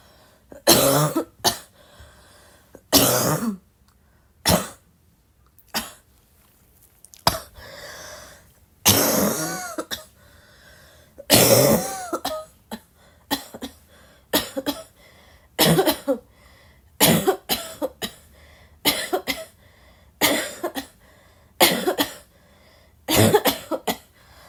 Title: non-stop coughing